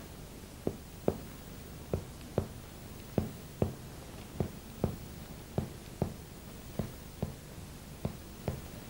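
About fourteen sharp percussion taps follow one another down the spine, the earlier ones fuller and more hollow, the later ones flatter and shorter. Spinal percussion is normally resonant and turns dull at the level of the diaphragm; persistent resonance suggests consolidation, while dullness over the spine suggests pleural effusion.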